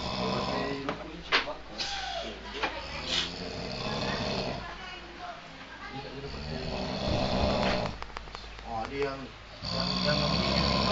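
Loud, rough snoring with irregular breaths, mixed with nearby talking and room noise.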